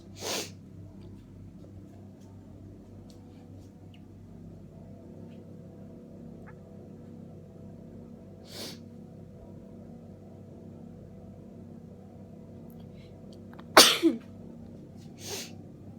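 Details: Several short, sharp sneezes in a quiet room, with a louder double sneeze near the end, from a person tired and weak with a cold, bundled in bed just before Christmas; sneezing fit.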